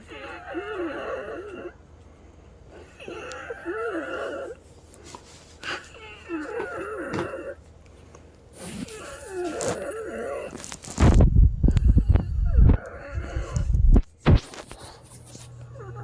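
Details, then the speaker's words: Heavy wheezing in a female patient's lungs, recurring about 5½ hours apart, before an as-needed DuoNeb breathing treatment: repeated breaths with loud, wavering musical whistles. "yeah that's about 5 and 1 half hour um wheezing heavily I'm just going to give her breathing treatment with a dual NEP now okay"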